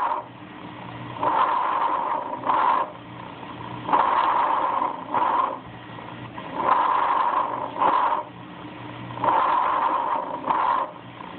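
Soft rustling breaths at about 22 a minute, with longer breathing in and shorter breathing out; normal vesicular breath sounds.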